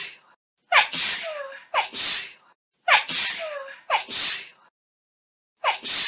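Five sneezes in quick succession, each a sharp gasp then an explosive burst, with brief quiet gaps between.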